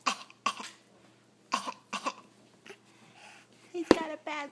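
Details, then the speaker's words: An infant gives four short, harsh coughs in two pairs, followed by a brief adult voice remarking on what a bad cough it is. "cough oh what a bad cough oh my goodness"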